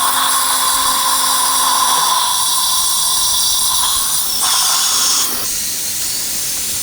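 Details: 63-year-old male, guided (OneGuide template) implant placement at upper right first molar (No. 16), poor bone quality, with palatal GBR planned: loud, steady high whine of the surgical motor shifting pitch and dropping off as the fixture is driven in.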